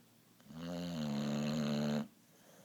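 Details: Boxer dog snoring loudly: a single loud, buzzing, drawn-out snore lasting about a second and a half.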